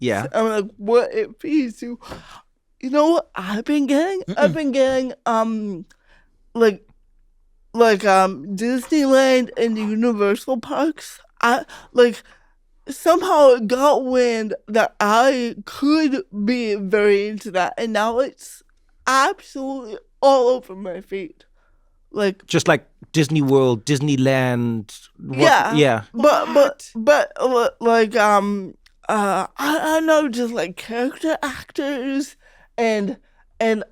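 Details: Adult female comedian with cerebral palsy since childhood, real conversational speech with hesitations, repetitions and fillers; dysarthria (cerebral palsy)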